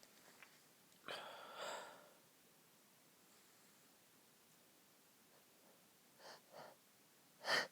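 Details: Muffled, stifled sneezes with breathy catches, then a sharper final sneeze, from someone who couldn't stop sneezing and tried to stay quiet while sleeping next to a friend: suppressed sneezing.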